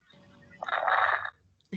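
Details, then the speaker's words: Lung crackles heard at the end of inspiration, likened to rubbing hair or crumpling paper by the ear: a brief rough, crackly noise at the end of a breath in. "es como si ustedes frotarán bueno los que tienen cabello en largo el cabello los frotan en en la oreja o puede ser que arrugue en un papel en la oreja y se siente así"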